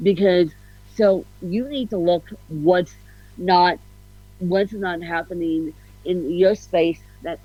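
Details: Adult woman with ataxic-spastic cerebral palsy, officially diagnosed at 31, with a slight speech impediment; ataxic dysarthria.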